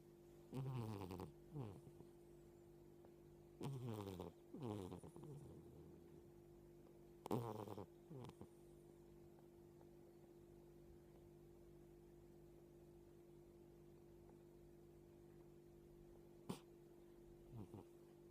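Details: 13-year-old cat snoring while asleep: loud, low, tonal "boo… boo" snores for about three breaths, then quiet.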